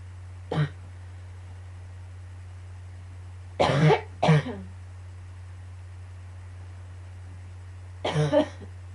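Four short harsh coughs in scattered bursts over a steady low room hum.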